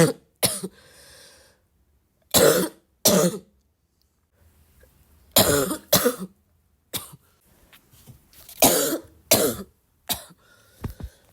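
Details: Person still sick and coughing a lot, tagged as a barking cough: about ten repeated harsh coughs, some in close pairs, with quiet gaps between them; frequent cough during illness.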